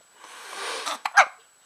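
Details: Hiccups from a baby boy.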